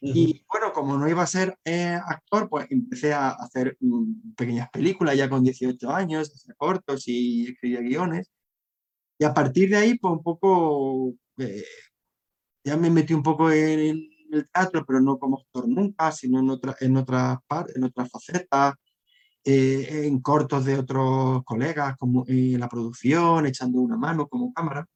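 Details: Adult man who has stuttered since childhood and struggled to hide it, now a storyteller; stuttering.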